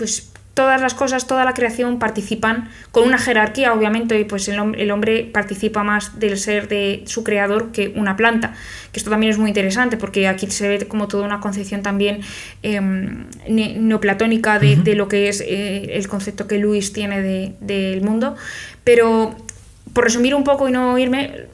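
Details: Adult woman speaking; normal speech.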